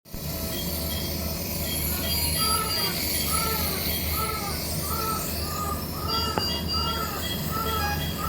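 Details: Nebulizer running for a newborn baby after suction: the steady mechanical hum and hiss of the compressor, with faint repeating tones over it.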